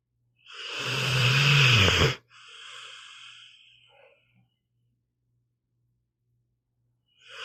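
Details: Pit bull dog sleeping and snoring: a loud rattling snore on inhalation, then a softer wheezy, snuffly exhalation and a pause.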